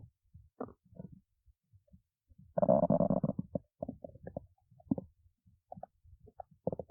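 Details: Gurgling, bubbling stomach growls in a person awake since 1:25 a.m., with one longer low groan among short irregular squelches: ordinary bowel sounds, stomach growling.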